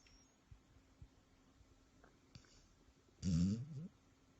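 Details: One loud, rough, rumbling snore lasting under a second in a quiet room with faint low thumps; snoring.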